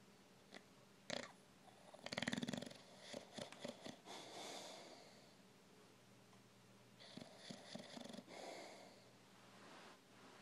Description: The older my old English bulldog gets the louder he snores!